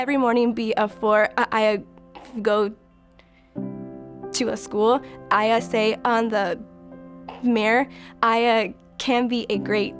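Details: Young adult female university graduate who stutters and takes part in a stuttering treatment program (CARE): stuttering.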